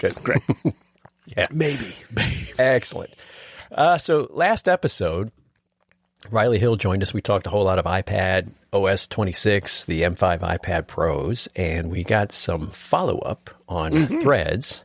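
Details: Adult men in conversation; normal speech.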